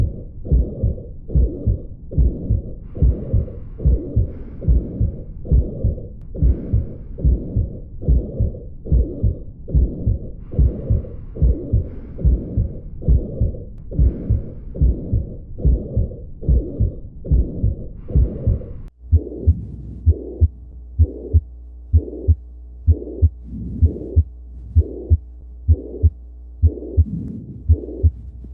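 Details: Mitral regurgitation murmur on auscultation: regular heartbeat at about 72 a minute with a blowing murmur filling the space between the beats.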